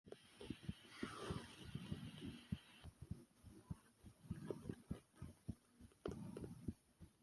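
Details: Soft low thumps at about 100 a minute, somewhat irregular in spacing, with rustling and room noise; self-recorded ordinary heartbeat.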